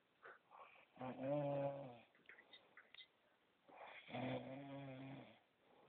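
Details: Snoring during sleep: two long, rough, rumbling snores on the in-breath with quiet breathing between them; ordinary snoring.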